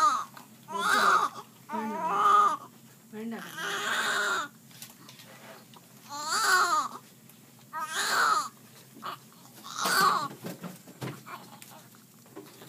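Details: Young child crying during a hearing test: repeated wailing bursts with pauses for breath; ordinary crying, with faint room noise.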